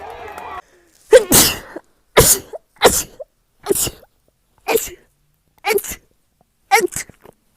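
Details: Seven sharp sneezes, roughly one a second after brief music, from a person who says dust stirred up by moving things in a laundry room is making her sneeze; a rapid sneezing run.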